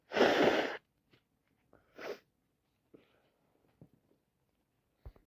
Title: Worst cold ever so much sneezing and blowing my nose #sneezes #cold #snotty